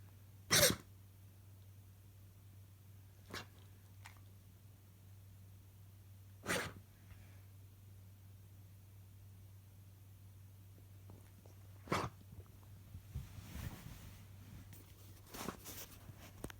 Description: Dog having mild? coughing fit